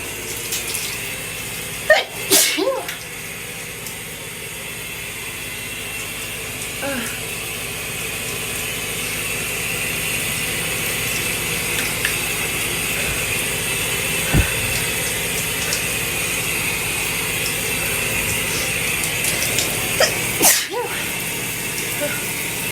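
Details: Two sharp sneezes from an adult taking a shower, heard over steady running water.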